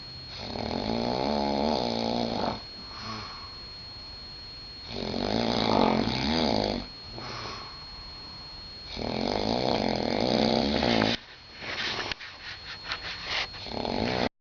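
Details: Adult sleeping in Vegas with loud, rough, rattling snores on each breath, about every four to five seconds, with a quieter breath-out between them: heavy snoring.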